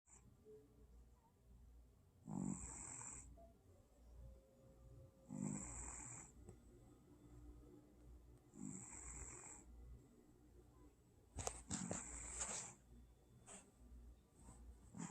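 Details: 11-year-old cat, Moe, asleep: soft, raspy snores about every 3 seconds with hissy breaths, then a few sharper snorts and a sigh at the end; ordinary sleeping snoring.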